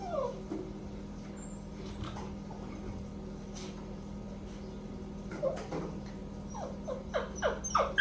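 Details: A 3-month-old male Cockapoo puppy left alone while his owner bathes: high, sliding whimpers and whines over a steady low room hum; puppy crying.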